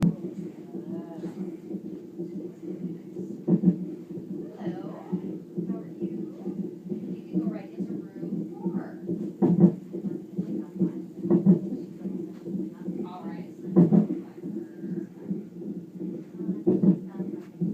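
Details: An infant hiccuping, with brief, sharp catches recurring every few seconds over a steady low hum; hiccups.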